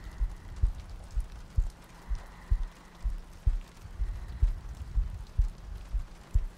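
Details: Three-hour looped ASMR sleep-aid recording with soft breathing and rain ambience; soft, steady low thumps about 60 a minute with faint rain-like hiss; slow regular heartbeat.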